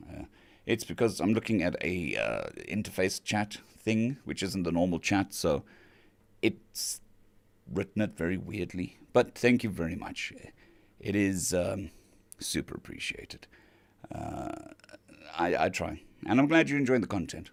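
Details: Male patient recovering from vocal cord surgery (day 2 of recovery), cords mostly healed but with lost strength and stamina, physiotherapy pushing the voice, laryngitis-like quality; dysphonia after vocal cord surgery.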